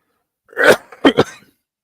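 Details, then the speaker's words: Adult coughing with three short, harsh cough bursts in a quiet room; a plain cough, the speaker noting the cough has not been getting better. "Grabe, inuubo tayo mga kapsat ha. Hindi na gumagaling ubo natin."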